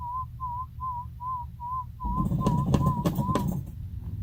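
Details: Sound-field hearing test in a 1-year-old boy with chronic ear infection at an ENT specialist: repeated short warbling whistle-like tones at steady pitch, with child and room noise; found 35 dB hearing loss.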